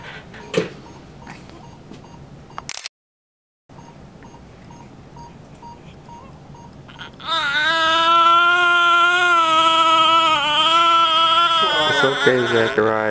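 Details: Quiet room noise, then a loud, sustained, strong cry with clear tone from a newborn boy, the mother's fourth baby, just after delivery in the operating room following a drop in heart rate.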